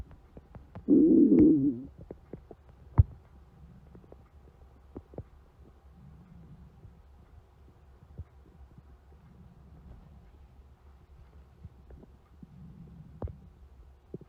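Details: Stomach growling: a loud gurgling growl, then softer rumbles and small clicks; borborygmi.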